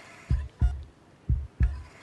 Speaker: A patient's heartbeat. That's percussion. Your rhythm section.